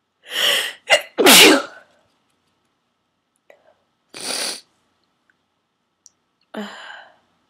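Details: Four forceful, explosive sneezes with sharp intakes of breath between, part of a run of 16-17 sneezes deliberately induced with a plastic garment tag holder; eyes streaming as if crying, nose raw and stuffy; repeated induced sneezing.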